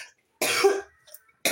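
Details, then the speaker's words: Single harsh, forceful cough from an adult during an ongoing asthma attack not relieved by Ventolin; cough. "pardon, je tousse beaucoup parce que j'ai une crise d'ast permanente là. J'ai beau prendre ma ventoline, ça marche pas."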